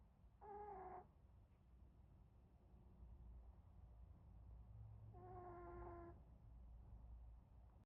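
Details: Nasal whistling snores from a napping Pomeranian dog: two high, whistling, whine-like breaths about five seconds apart over quiet room noise.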